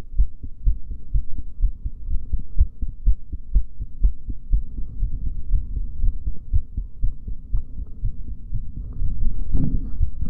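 Steady low thumping heartbeat, roughly 60 beats a minute, with a faint hum underneath; ordinary heart sounds during a breath hold.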